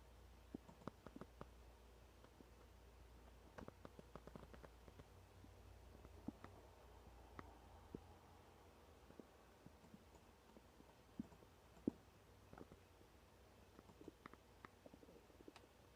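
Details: Scattered soft clicks and gurgles from an adult's stomach over a quiet low hum, with occasional mouse clicks and typing; ordinary bowel sounds (borborygmi).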